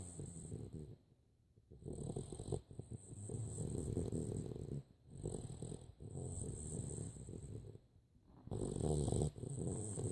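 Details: Loud low rattling snores with short quiet gaps, about four breath cycles in ten seconds; snoring, roughly 24 breaths a minute.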